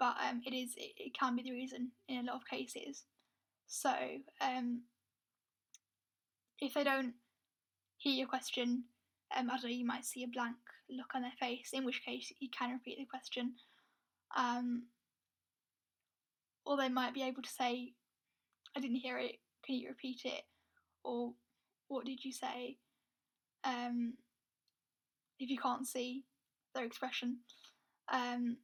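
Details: Stammering (stuttering) in a woman who is also blind; she describes her stammer as struggling to speak, with blocks where no air gets through and words taking a long time to come out.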